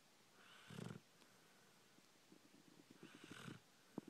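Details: Sleeping boxer dog (Tank) snoring: two soft, fluttering breaths, the second rattling and purr-like; light snoring.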